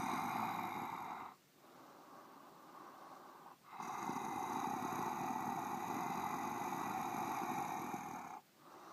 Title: Creepy Raspy Breathing Sound Effect